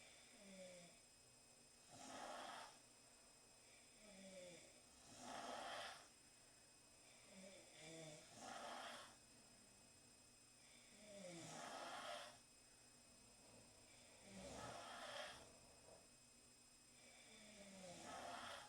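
Soft, regular snores about every three seconds, near 19 a minute, with a faint whistle on the breath and a steady hum behind: snoring.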